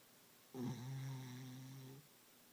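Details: One long, loud, buzzing snore lasting about a second and a half against quiet room noise; snoring.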